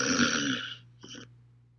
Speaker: So this is snoring. It's not exactly - it's not sleep apnea. This is the soft palate in the back of the tongue getting into the airway as this person breathes.